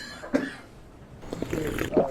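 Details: Several short, low coughs and throat-clearing from an adult man testifying on the stand in court, who mentions trouble with his voice and larynx; faint room echo; cough.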